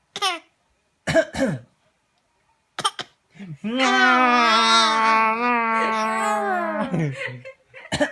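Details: Baby imitating her father's cough on April 23, 2015: three short, voiced cough-like bursts, then a long drawn-out vocal sound; an imitated cough.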